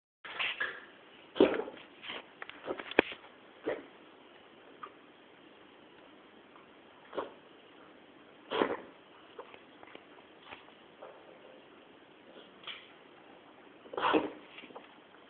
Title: MEW coughing small